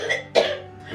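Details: Single abrupt, short, forceful cough from an adult woman with cystic fibrosis, a progressive lung disease, in the morning after coughing and vomiting, before blood work for drug levels.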